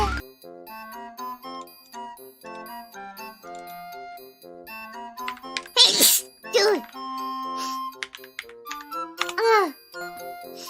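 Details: VTuber streamer: light music, then a sharp hissing burst and two squeaky voiced bursts in quick succession; a series of sneezes.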